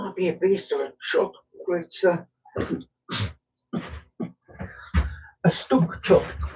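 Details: Adult male with Tourette syndrome, tics quite bad that day by his account; frequent snorting and throat-clearing tics while talking; vocal tics (Tourette syndrome).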